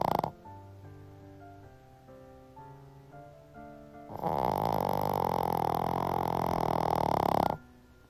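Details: Shih Tzu dog snoring: over soft background music, a single long, loud, rasping snore of about three seconds, like a saw cutting wood.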